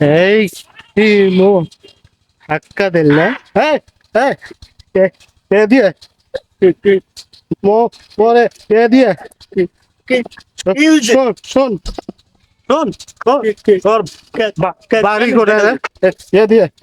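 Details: Adult actors speaking Bengali in a comedy skit; stuttering (acted).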